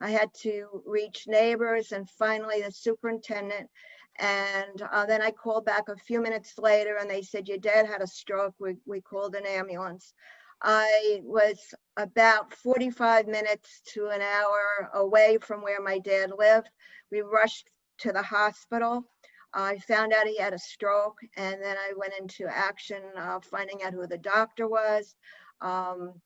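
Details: Adult woman speaking; normal speech.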